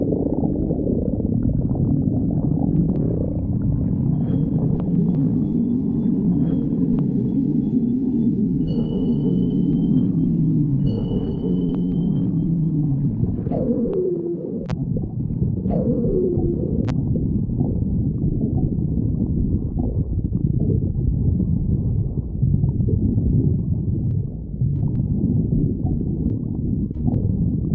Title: stomach growling 2